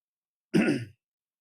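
A single brief, rough throat clear from an adult man, lasting under half a second.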